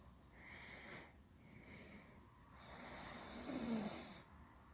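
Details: Snoring while drooling during sleep: soft snorting breaths, then a longer whistling, wet, bubbly snore.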